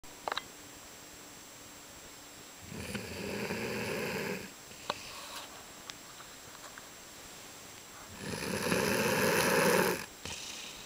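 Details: Person snoring on a couch, recorded February 2010: two long, loud, rough snores on the in-breath with quiet between, in a small room; ordinary snoring.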